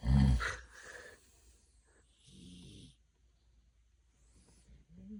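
A loud, deep, rumbling snore, followed by softer rasping breaths with pauses between: snoring during sleep.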